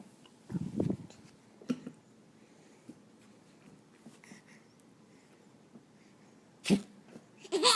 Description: Our six month old laughing at the dog after she sneezes